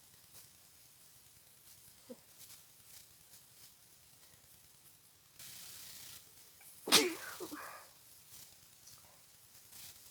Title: Very congested sick sneezes